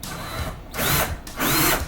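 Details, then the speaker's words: Surgical power drill whining in bursts, driving a centrally threaded 4 mm pin (talar neck, medial to lateral) through a Sawbones model foot, SEAL small rail fixation demo for triple arthrodesis; simulated, not a patient. "as a rule of thumb I will drill until I see the most proximal portion of the thread disappear into the near side soft tissue of the patient"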